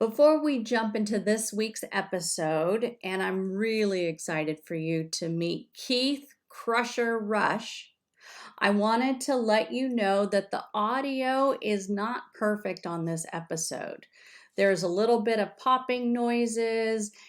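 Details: Adult woman speaking; ordinary speech.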